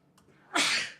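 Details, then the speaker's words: A sneeze heard during a podcast conversation and answered with "bless you"; sneeze. "there are my sneezes"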